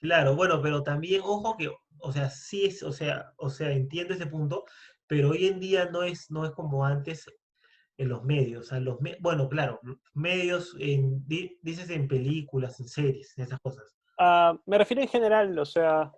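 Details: Spanish-speaking man who identifies as a person who stutters; stuttering.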